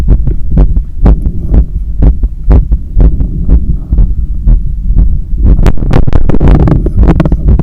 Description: My heart was visibly hammering inside… sorry for the breathing and the hard pumping sounds.